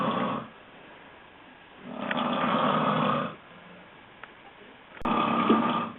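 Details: Loud, rough snores in repeated bursts with quiet pauses, about two snores in six seconds, from a sleeping adult man; snoring.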